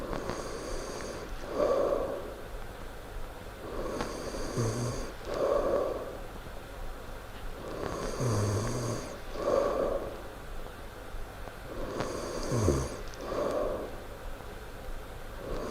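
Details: Loud snoring during sleep: loud, rough snores with each breath in and a softer breath out, about 15 breaths a minute in a steady rhythm. Snoring.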